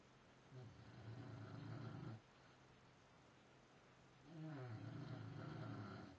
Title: Bulldog Nelly snoring.